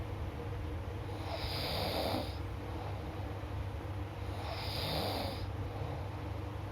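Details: Person snoring: two loud, rattling snores on the in-breath, each followed by a hissing breath out, over steady low background hum; snoring.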